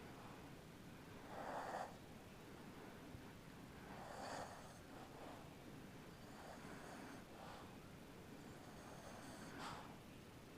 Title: Marley snoring up a storm